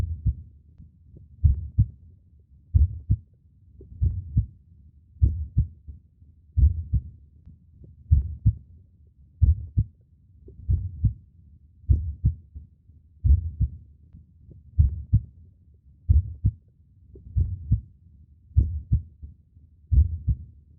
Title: Heartbeat Sound of Human Heart and Pulse / Sleep, Concentration